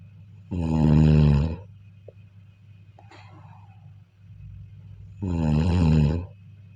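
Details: Two deep, vibrating snores during sleep with a faint soft noise between them; snoring.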